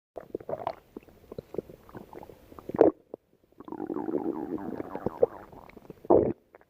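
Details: Bubbly popping gurgles then a sustained rumbling growl ending in a squelch; stomach growling.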